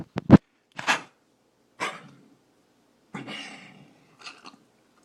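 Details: Corgi dog gives about five short, harsh coughing bursts in a quiet room: cough.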